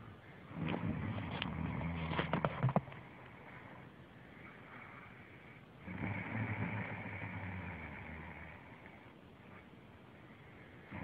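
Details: Snoring from an adult woman who denies snoring: two low, rough, rattling breaths about 5 seconds apart over hiss.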